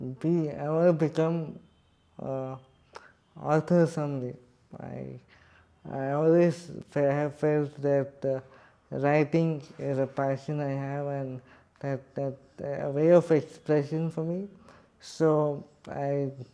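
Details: Adult man with cerebral palsy speaking in his own voice; dysarthric speech in cerebral palsy.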